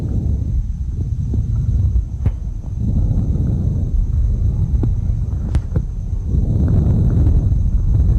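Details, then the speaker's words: Normal vesicular breath sounds, amplified to make them easier to hear, heard over the chest: soft, low-pitched rustling rising and falling with each breath. "vamos a escuchar ejemplos de murmullos vesicular con una modificación en el cual fue aumentado para poder apreciarlo mejor"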